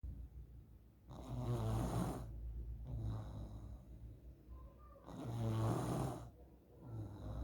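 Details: Child snoring in sleep, shared as a possible sign of nasal polyps: low, rattling inhaled snores, about 16 a minute, with quieter exhalations.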